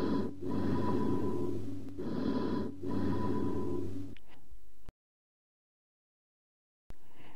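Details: Teaching recording of chest auscultation: hollow, ringing breath sounds with a metallic, jar-like tone over three breath phases, typical of amphoric breathing.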